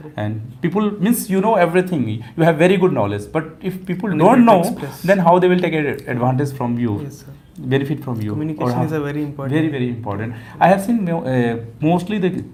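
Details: Young male recorded before treatment for puberphonia, with a high-pitched voice that is mistaken for his mother's on the phone and gets worse when he speaks louder.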